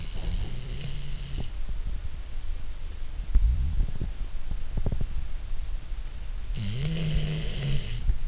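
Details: Sleeping dog snoring as loudly as a human: deep, rattling, low-pitched snores over two long breath cycles against soft room noise; snoring.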